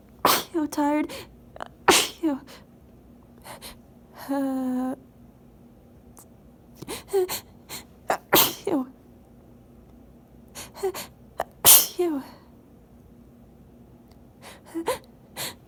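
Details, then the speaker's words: Sneezing fit at night, person sitting back up, unable to take a full breath: a run of sharp, explosive sneezes in quick succession with gasping breaths between; audio may skip. "yeah okay I was sitting back up cuz it's hard actually hard to sneeze wanna blow my stomach but they don't I don't know I feel like they sound weird you because I can't take as much air as I want to"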